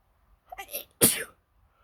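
A short breathy intake followed by one sharp, explosive sneeze; a single ordinary sneeze.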